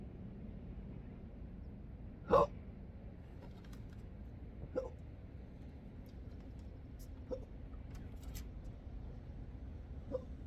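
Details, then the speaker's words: Intractable hiccups present since December 2015, with burps, choking spasms and developing achalasia: four sharp hiccups at irregular intervals over about ten seconds, the first loudest, recorded outdoors on a coastline at sunrise. "I thought I'd let you enjoy some of uh my morning meditation that I come on through the roof and uh enjoy the sunrise while I'm hicoping."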